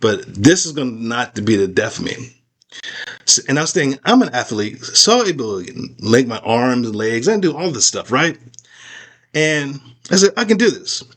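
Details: Aphasia after a stroke in an adult man, real patient describing life with aphasia; he says he still cannot talk as clearly as before the stroke.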